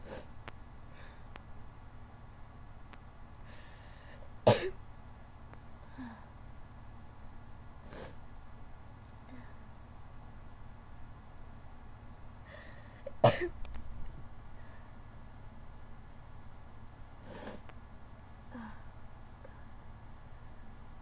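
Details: Two abrupt explosive sneezes about nine seconds apart with quieter sniffs between, during a sneezing attack with an open window and a badly runny nose; sneezing.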